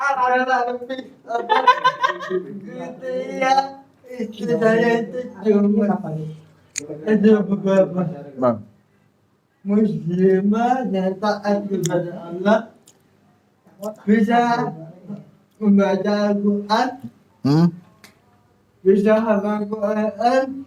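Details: Adult with cerebral palsy, described as thinking well despite the disability; dysarthric speech in cerebral palsy.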